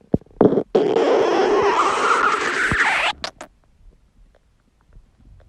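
A long, loud gurgling growl of about two seconds, then short squeaks fading out: stomach growling from an empty stomach, a normal sound.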